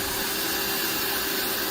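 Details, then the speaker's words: Rotary grinder smoothing big, thick foot calluses during a podiatry visit: steady, high-pitched whirring hiss; he finds the vibration uncomfortable, so the speed is lowered. "okay so we're just gonna grind all this down now let's start from this side"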